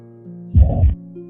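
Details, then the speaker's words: Heart murmur, an abnormal sound from disturbed blood flow within the heart: a single low rumbling whoosh of about half a second over soft background music. "Heart murmur दिल से आने वाली एक असामान्य आवाज होती है। आप यहाँ पर उस आवाज को सुन सकते हैं।"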